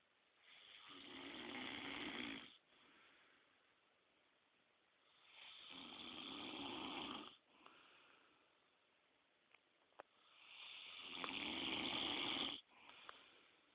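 Three long, harsh, rasping snores on breaths in, with softer breaths out between, about 13 breaths a minute. Loud snoring.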